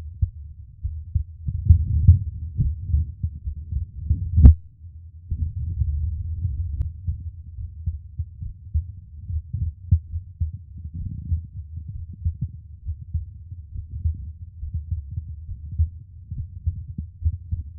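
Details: Close-miked ASMR recording of the person's own heartbeat: soft, regular low thumps at rest with one sharp knock partway through; a normal heartbeat.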